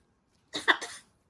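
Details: Blue and gold macaw fake coughing: a single short, harsh, two-part cough-like burst, a mimicked cough rather than a sign of illness, as the bird tries to get at the vacuum.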